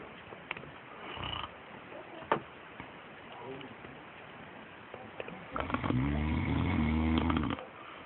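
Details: Adult man (father) snoring: quiet room, then one long, loud, rattling snore on the in-breath.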